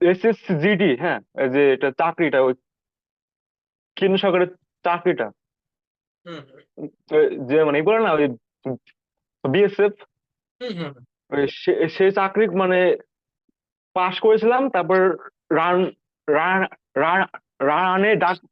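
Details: 19-year-old male, recorded before stammering therapy; stuttering.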